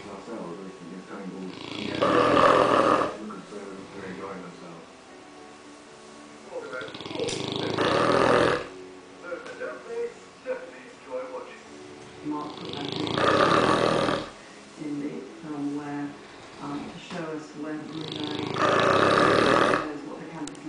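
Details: 14-month-old English mastiff snoring loudly enough to rumble the floor: loud rasping snores about 11 a minute with quieter snuffling between them; ordinary snoring.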